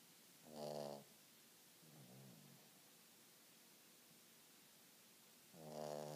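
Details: Large pet cat fast asleep on a sofa in front of the TV: soft, rhythmic snoring with a rumbling nasal breath every few seconds over quiet room hiss.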